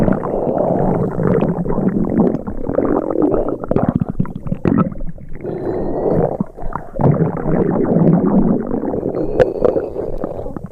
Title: The Nelsons 2000 - NOAA Weather Radio Upset Tummy Sound Effects (FREE TO USE) (Stereo)